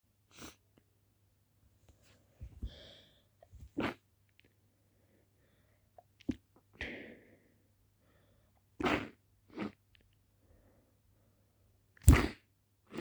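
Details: Person sneezing: a series of roughly seven short, sharp sneeze bursts with quick breaths in between.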